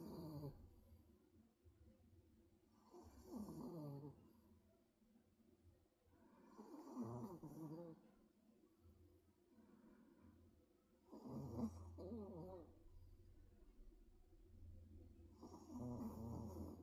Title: 코골이... 잠꼬대를 곁들인🤭